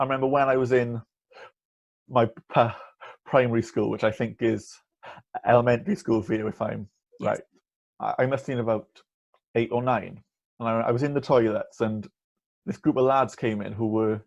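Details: Young man, 18 last year, stammering since childhood; he reports blocking on words while talking and uses a speech-course breathing technique and stuttering on purpose; stuttering (stammering).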